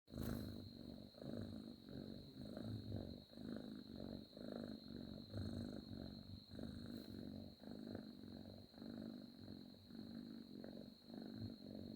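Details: Cat asleep on a person's arms, snoring: soft, rumbling low breath sounds about once per second over a steady high-pitched background whine.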